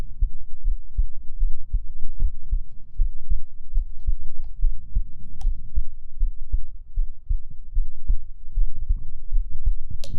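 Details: Normal heartbeat recorded for ASMR: loud, muffled low thumping against a dull rumbling background, with a few faint clicks.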